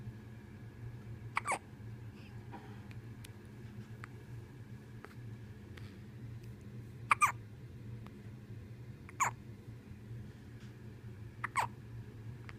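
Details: Sleeping 4-day-old newborn: four short, sharp hiccups over about 12 seconds over steady room hum; ordinary newborn hiccups.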